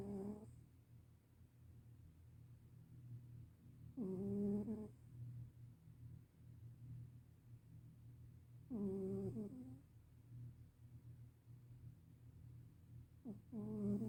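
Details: A senior black cat asleep and rubbing its nose: loud, buzzy snores about every four to five seconds, roughly 13 a minute, over a low steady hum.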